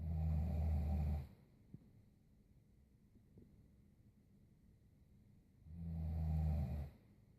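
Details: Two long, deep, rattling breaths about five seconds apart with quiet between; loud, low-pitched snoring.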